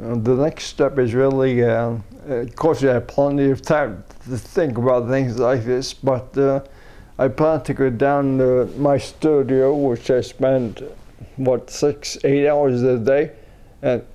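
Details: Ataxic dysarthria in an adult man with a progressive neurodegenerative disorder, first diagnosed as cerebellar ataxia and later as multiple system atrophy; he had umbilical cord blood stem cell spinal treatment in China in late 2008 and sees a speech pathologist.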